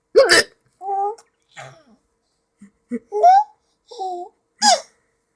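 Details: Child with hiccups, sudden sharp catching sounds mixed with giggles and short vocal bursts; hiccups.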